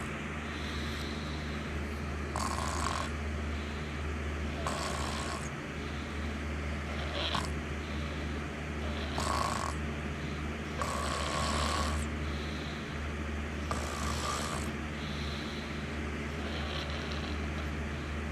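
Rough, rattling breaths every two to three seconds over a steady low room hum. Snoring during sleep.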